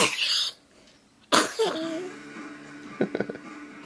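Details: A person's typical sneeze: a sharp burst of air, then after a pause a second explosive burst with a brief voiced tail.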